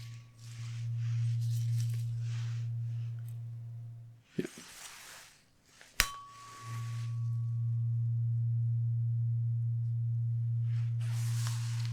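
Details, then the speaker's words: Steady low pure tones with a pause and click between them, moved from ear to ear with eyes closed in a role-played ASMR hearing check during a simulated cranial-nerve-style exam; audiometry test tones. "I would do this some from ear to ear and also just you just close your eyes then I will go from one ear to the other and then you have to tell me which year it is."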